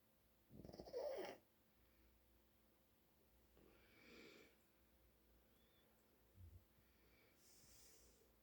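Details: Father snoring in sleep: faint, irregular snorting snores with long quiet gaps between breaths.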